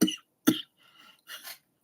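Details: Two sharp cough bursts, then a softer breathy sound and a brief throat noise, from an adult who is under the weather with a small bug and thinks it may be a little bronchitis; cough.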